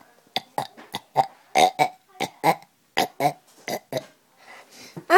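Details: Kid burping on purpose: a rapid series of loud, deep, croaking burps in quick succession.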